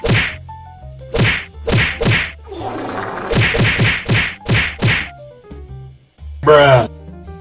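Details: Mild Tourette syndrome on a bad night, worsened by caffeine, during a Zoom call: rapid bursts of abrupt clicking, smacking mouth noises, a hissing rush and a voiced squeal; vocal tics.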